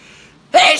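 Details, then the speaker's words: Single sneeze: a quiet indrawn breath, then a sudden loud explosive voiced burst of air; the sneezer says it hurt their throat badly. "that hurt my fucking throat so bad oh my god fucking hell"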